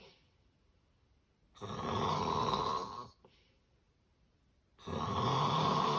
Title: The sound of severe sleep apnea snoring